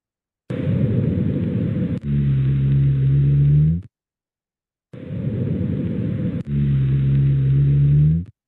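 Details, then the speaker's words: Rhonchi: two breath cycles with low, snoring rumbling sounds heard during expiration. "En la expiración es donde se escucha el tronco."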